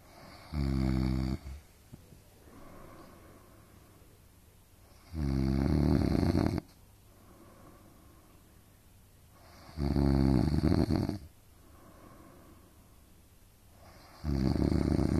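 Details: Parents snoring while sharing a hotel room: loud, deep, rattling snores about every four seconds, roughly 14 a minute, with softer breaths between.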